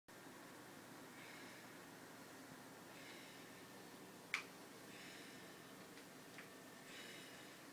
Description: This is my 5 year old slightly overweight basset breathing hard.